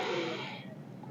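A single loud, deep breath that fades out, imitated by a teacher to show deep breathing.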